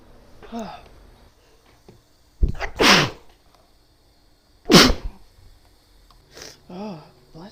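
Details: Female sneezing induced by sniffing black pepper and a twisted paper towel in the nose: two forceful, explosive sneezes with a sharp inhaled lead-in and brief voice sounds between them.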